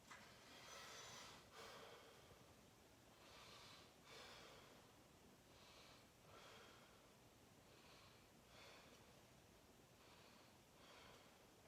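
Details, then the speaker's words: Normal breath sounds heard posteriorly during a nursing student's head-to-toe assessment of an adult man as he breathes in and out; soft, regular breathing with no added sounds; bronchial over trachea, bronchovesicular upper back, vesicular peripherally. "So over the trachea, you have bronchial breath sounds in the superior part of the anterior and posterior chest wall."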